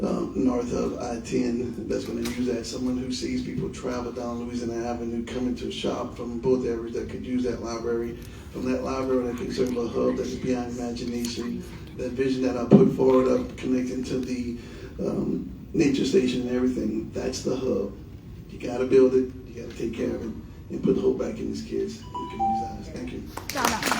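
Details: Adult man speaking; typical speech.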